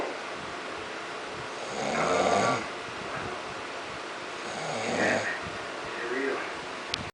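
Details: A man snoring in his sleep: two loud, rough, rattling breaths about three seconds apart (roughly 20 a minute) over steady room noise; snoring.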